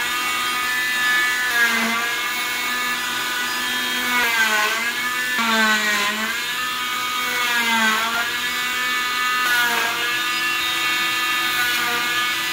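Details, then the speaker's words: Oscillating cast saw with cast vacuum removing a short leg plaster cast by the in-and-out method, leaving the cotton padding intact: a loud steady whine with the pitch dipping as the blade bites into the plaster. "because we know that the cast saw and the the cast vac working together in unison they they're they're a bit loud"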